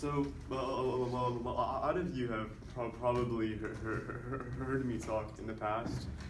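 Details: Adult man who stutters deliberately producing voluntary (fake) stuttering during a presentation on stuttering, counting his stutters with a tally counter to track progress; voluntary stuttering.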